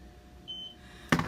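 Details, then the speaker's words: One short, high electronic beep, then a brief louder noise: a Hill-Rom hospital bed exit alarm confirming it is armed at the setting that alarms only once the patient has completely left the bed. Green indicators show on the side rails and footboard. "so the alarm is now set you hear the beep you have a green battle on each side rail and the bell at the floor at the foot of the bed is green"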